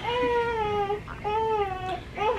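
Repeated high-pitched, clear crying bouts from a newborn, with short breaths between them; an ordinary healthy newborn cry.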